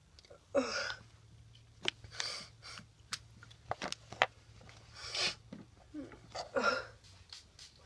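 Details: Several short, harsh cough bursts with sniffing and nasal noises in a quiet room, from a person with a cold, a nasty cough and a very snotty nose.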